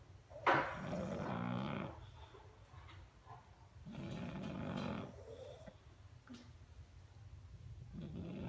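Slow, rough, rumbling breaths from a sleeping pug, about every three to four seconds. Loud snoring.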